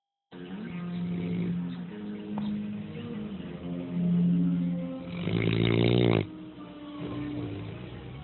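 Long, loud, rumbling snores with a groaning, moan-like tone. Snoring in a deeply sleeping large dog.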